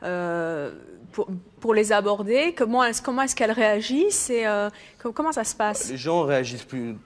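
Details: Adult woman; normal speech.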